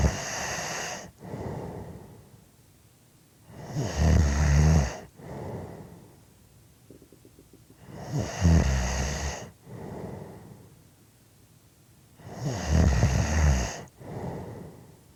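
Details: Loud, rough snores on each breath in, with quieter breaths out between, about 14 breaths a minute; ordinary heavy snoring.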